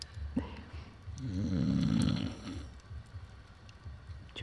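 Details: Person asleep outdoors at a lake campsite near a campfire, August 2015: a single loud, rattling snore on an in-breath, with quiet ambient noise around it; snoring.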